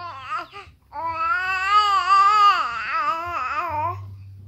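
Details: A fussy baby's loud, sustained wailing cry, with short fussy whimpers before it.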